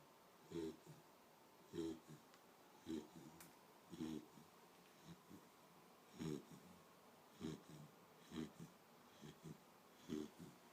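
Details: A sleeping dog snoring: rhythmic snorting snores, about one breath every second or so, in a quiet room.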